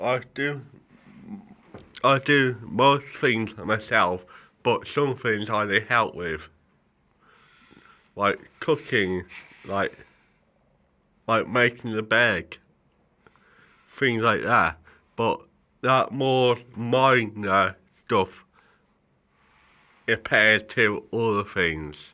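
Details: Adult male with right-sided cerebral palsy, which he says affects his speech so some people may not understand him; dysarthria in cerebral palsy.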